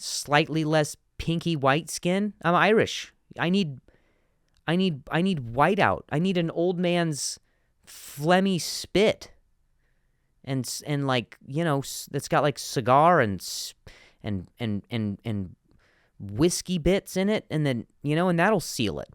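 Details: Adult male comedian who stutters, speaking on his podcast with word and phrase repetitions; stuttering.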